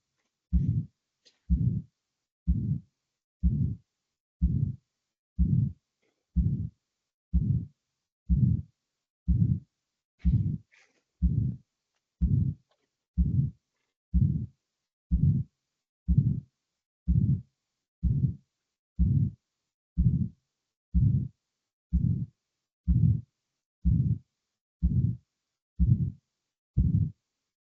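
Regular heartbeat near 62 a minute, each beat carrying a harsh murmur consistent with aortic stenosis.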